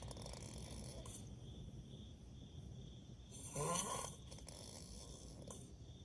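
Low, rough rumbling breaths over steady room noise, with one louder noisy breath midway; snoring during sleep.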